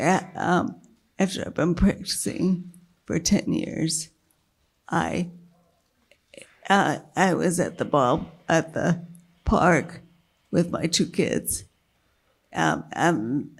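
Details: Dysphonia with a weak voice in a woman with multiple sclerosis whose failing diaphragm makes keeping her voice a struggle; she earlier lost speech totally from a brain lesion and slowly regained speech and word-finding.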